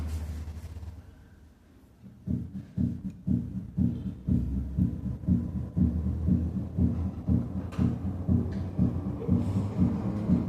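Regular low heart sounds at about 120 beats a minute, with a doubled second sound consistent with paradoxical splitting of the second heart sound.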